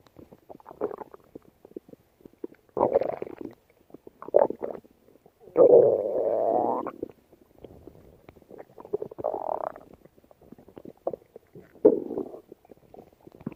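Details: Irregular gurgling and a drawn-out rumbling growl from the belly late at night; ordinary stomach growling (borborygmi) from gas and fluid moving through the gut.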